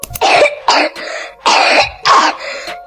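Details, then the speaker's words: Wet productive cough with phlegm stuck in the throat, described as mostly from lower respiratory infection, possibly pneumonia or bronchitis: four loose coughs in two pairs, each trailing into a rattly rasp. "刻有痰声，喉咙里卡着痰，这大多是下呼吸道感染引起的，可能是肺炎或者支气管炎。"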